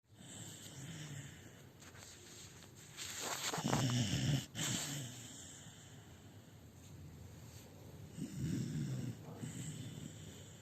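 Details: Sleeping beagle dog in India snoring: low, rumbling, snorty breaths in slow waves over hissing background noise.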